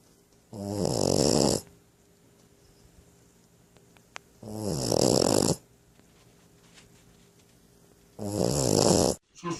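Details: Small female Boxer puppy with three loud, rattling snores, each about a second long, about every four seconds with quiet pauses; dog snoring.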